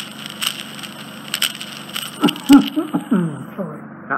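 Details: Endoscopic micro-suction of dead skin and debris from a male's very narrow, infected right ear canal using a finer instrument: intermittent crackling, slurping suction noises with a faint steady hiss.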